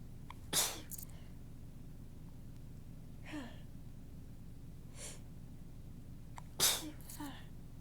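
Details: Soft, tickly, breathy sneezes with small lead-in gasps and faint snuffles from an adult talking through a morning ramble with a completely stuffed-up nose; ordinary gentle sneezing.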